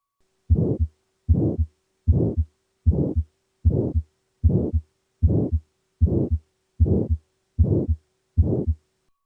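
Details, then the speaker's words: Regular heartbeat at about 76 a minute with a harsh ejection systolic murmur between first and second sounds, heard throughout the precordium, radiating to the carotids, confined within systole: aortic stenosis murmur. "It's an ejection systolic murmur that can be often heard throughout the precordium. It radiates up into the carotids and is entirely enclosed within the duration of systole."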